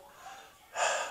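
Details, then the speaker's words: Stethoscope auscultation of the anterior chest during a demonstration: after a quiet pause, one deep breath in gives a clear, smooth rush of air with no wheeze, crackles or obstruction, normal clear breath sounds. "deep breaths and if it's clear and there's no obstructions nothing that sounds like like like wheezing or crackling or anything that can is considered like outside the normal of what you would say is clear lung sounds"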